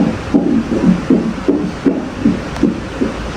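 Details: Rapid, regular whooshing pulses on Doppler, roughly 150 a minute, during a first antenatal scan in a pregnancy of about two to three months: a strong fetal heartbeat in the expected fast range.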